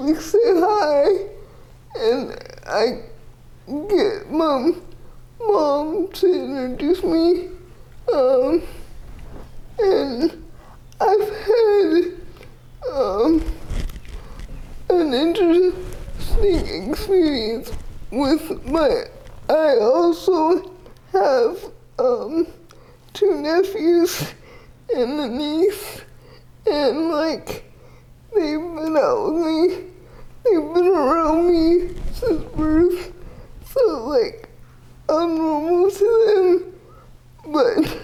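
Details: 30-year-old woman with GMFCS Level 4 cerebral palsy, quadriplegia with an athetoid component, using a power wheelchair; dysarthria (athetoid cerebral palsy).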